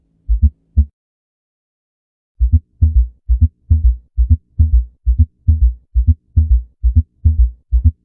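Regular low heart sounds at about 67 beats a minute, after a brief pause, from an abnormal heart sound teaching set.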